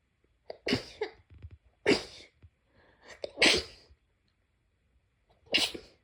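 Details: Four explosive, hissing sneezes in quick succession over about six seconds, each preceded by a short inhaled catch: repeated sneezing.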